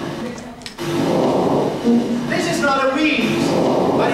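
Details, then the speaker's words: Rhonchi: low-pitched, snoring, rumbling breath sounds lasting longer than crackles, caused by airway secretions, played as a teaching recording in a heart and lung sounds workshop. "long enough to not be a c it's S no bit we call it a rers and what is it no is secretions nothing"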